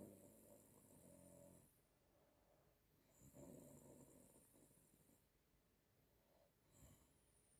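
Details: Grandmother snoring while asleep: low, rough, rattling snores on two long breaths in a quiet room, with faint hiss between them.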